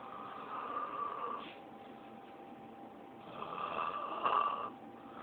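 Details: Man asleep after heavy drinking, snoring very loudly; snoring.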